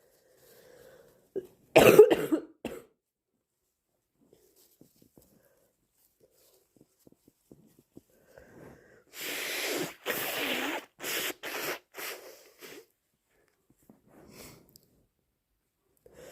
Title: Super snotty cold morning blows plus coughing